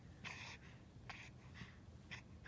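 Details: Quick, harsh, noisy breaths from a premature infant boy, recorded December 17, while being talked to; stridor.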